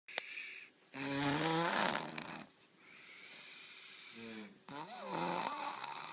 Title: Me snoring loud keeping my friend awake